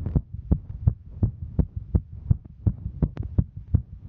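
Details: Female hiker during exertion; fast, regular low thumping about 165 beats a minute; rapid normal heartbeat during exertion.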